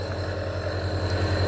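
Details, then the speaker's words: Home nebulizer compressor running during a demonstration for a boy with a slight cough, nebulizing water rather than medicine: a steady low motor drone with a pulsing hum. "یہ نیبولائزیشن ہو رہی ہے جی، یہاں بھی دکھائیں، 1 minute یہاں چھوڑیں ذرا. یہ پانی ہے، جب تک پانی ختم نہ ہو ہم یہ کرتے رہیں گے."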